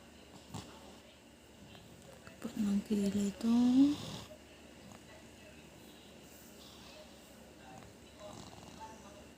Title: I don't snore ,I just dream I'm a motorcycle 🤣🤣